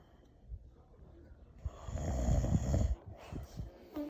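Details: Elderly grandfather, exhausted and asleep: low rumbling, fluttering snore building during one breath in, then quieter sounds; snoring.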